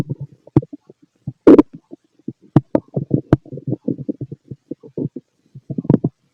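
Irregular gurgles, squeaks and pops from the abdomen in close succession; ordinary active bowel sounds of stomach growling.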